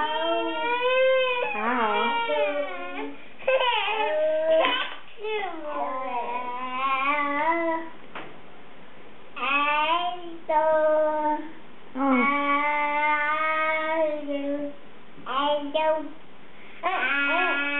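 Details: Infant, described as liking to pretend to sneeze and thought possibly allergic, cries in repeated wailing bouts with short gasping pauses between them; sustained, ordinary infant cry.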